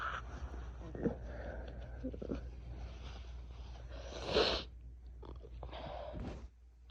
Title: Post stifle attempt (more powerful cold sneezing)